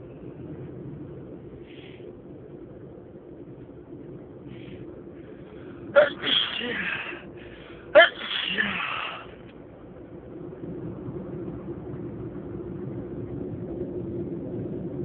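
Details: Person sneezing a lot, sneezes not stifled: two sharp sneezes about two seconds apart, each with a short breathy burst, over steady background hum.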